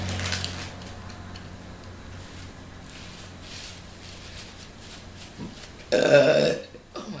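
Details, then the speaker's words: An adult eating a Subway steak-and-cheese sandwich and jalapeno chips, self-described as lactose intolerant with food allergies and not supposed to eat wheat, gives one loud, voiced burp after quiet room noise; burping. "I can explain where all the burbs come from I'm lactose intolerant I'm not supposed to eat wheat what else I have all kinds of food allergies but I take these little pills for the milk part but I still burping cuz I'm not supposed to be eating it"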